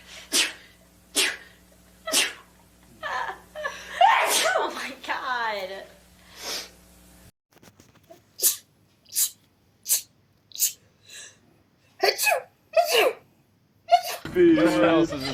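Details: Girls sneezing in rapid runs of short, sharp sneezes, said to be real, with laughter and talk between bursts.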